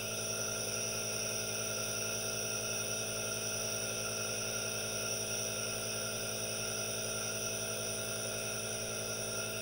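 Steady, unbroken hiss with a mechanical hum from a running nebulizer.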